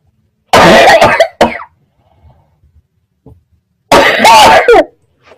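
Two loud bouts of harsh, forceful coughing with a raspy throat-clearing quality, separated by quiet breathing.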